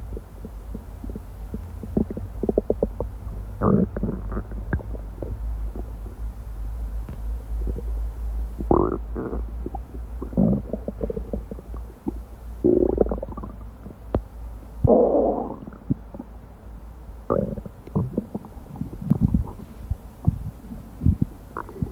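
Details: Amplified recording of an adult's abdomen: gurgles, clicks and rumbles, ordinary active bowel sounds (borborygmi).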